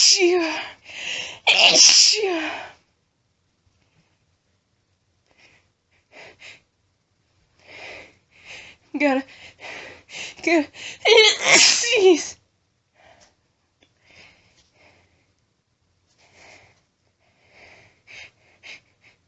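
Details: A woman announces her sneezes, then gives loud, forceful, very powerful sneezes with a voiced build-up, followed by softer bursts and nose blowing.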